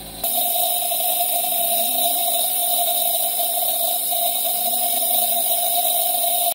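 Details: Steady mechanical hum and drone of a running nebulizer used to deliver injectable antibiotics (Pen-G, Gentocin, Tylan) to Persian cats or small dogs with severe pneumonia or upper respiratory infection; no breathing sounds.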